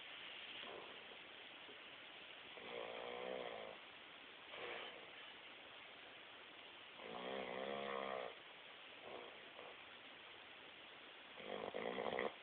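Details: A napping Bugg dog (napping alongside a Boxer, which is said to be the loud snorer) gives repeated buzzing nasal snores on inhalation, with softer snorting exhalations over a steady background hiss: loud snoring.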